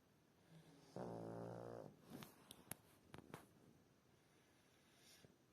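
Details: A person snoring loudly: a single buzzing, vibrating snore of about one second, then faint clicks and breathing in a quiet room; snoring.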